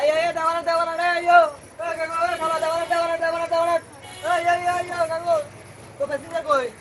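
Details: Young man acting a stammer for a comedy skit; he does not actually stutter. Stuttering (acted).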